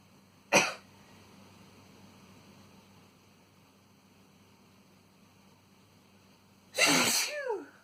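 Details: Adult man's sneezes induced with tissue: two explosive sneezes several seconds apart, the second longer with a trailing voiced sound.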